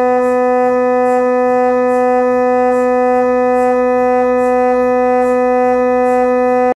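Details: Loud steady electronic tone with rapid rhythmic knocking, about three knocks a second, during an MRI scan of a fractured left leg about five months after a work accident.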